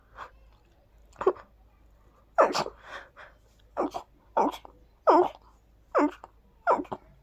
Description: Oh God, this perfume makes my nose go wild... I sprayed it on my hands and kept them cupped around my nose while sneezing into them.